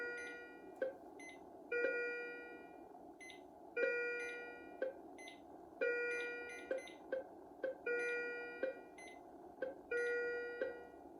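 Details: Repeating bright electronic alarm tones from a Philips IntelliVue MP30 patient monitor, rhythm generated by an ECG simulator, with ZOLL E Series defibrillator manually synced and charged: simulated patient monitor alarm.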